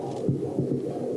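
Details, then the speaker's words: Fetal heartbeat on Doppler, from a mother's eighth pregnancy, played to a crowd: fetal heartbeat. "Takie bicie serca można wykryć już w szóstym tygodniu ciąży. To jest człowiek, to jest rozwijająca się istota ludzka, wspaniałe nasze przyszłe pokolenie."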